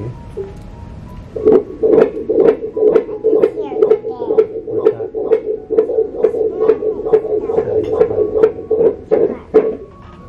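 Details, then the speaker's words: Rapid, regular whooshing pulses at 140 a minute during a 5D ultrasound scan at 31 weeks of pregnancy, a baby girl; fetal heartbeat on Doppler ultrasound, rate called absolutely perfect, normal. "heartbeat isn't it all right here we go heart rate of 140 which is absolutely perfect"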